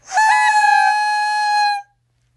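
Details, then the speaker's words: Flexhaler patient trainer, not the medication inhaler: one clear, steady whistle lasting about 1.5 seconds. It sounds when a sharp, deep inhalation is done correctly. "This helps remind you that's what you need to do, and it will make a whistling noise to let you know that you do it correctly."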